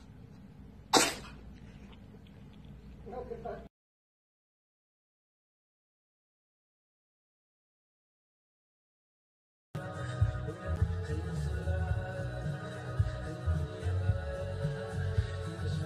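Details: A single sharp, sudden cat sneeze followed by soft sounds, then a gap and noisy background.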